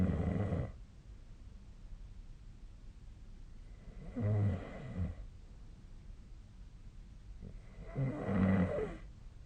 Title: 🐽 本日のイビキ / Snoring Sleep Sound 2025/02/08